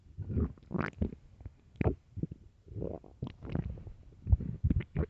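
Low, irregular gurgling and rumbling bursts from the abdomen; ordinary stomach growling from an empty stomach when hungry.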